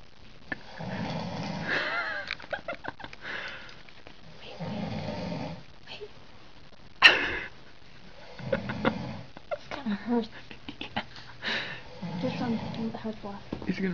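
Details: Loud, rough snoring breaths about every four seconds from a sleeping man; friends try a nose plug on him. A sharp noise and people moving are heard in the background partway through. Snoring.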